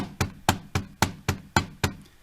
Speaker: so to make it simple for you guys i will make the following sound this is s1 s2 s1 s2